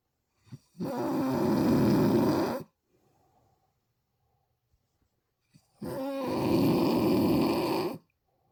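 Two loud, harsh rumbling snores about five seconds apart, silent between; snoring at roughly 12 breaths a minute.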